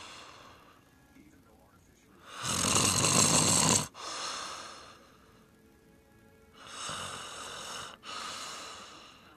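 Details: Snoring recorded on a Flip Video camcorder: harsh, rasping breath sounds in two bursts, the first loud and rattling, each with a short break partway through.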